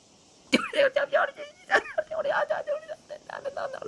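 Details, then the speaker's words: VTuber sneezing during a stream, apologizing for sneezing at an important moment: a sharp, voiced burst followed by quick exclamations and talk. "危ない。やばい、くしゃみが。すいません。大事なとこでくしゃみが。"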